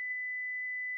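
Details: Philips HeartStart FRx AED, pads on bare chest, after rhythm analysis and "shock advised, stay clear, press the flashing orange button": steady high-pitched continuous alert tone before shock delivery; AED alert tone.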